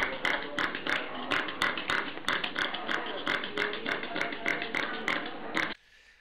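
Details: Tracheal collapse noise in a small animal, from a veterinary cardiology webinar on respiratory patterns.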